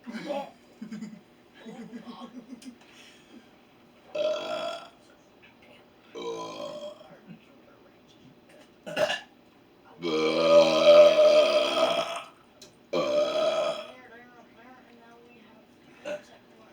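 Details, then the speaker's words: Deliberate burping: several loud, voiced belches, one long and drawn out, mixed with short talk and laughter. "Oh my goodness. Zoinks. I've had burps like that before. I couldn't hold it in."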